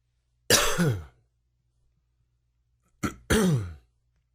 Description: New coughing fit. Comment, like share and enjoy!!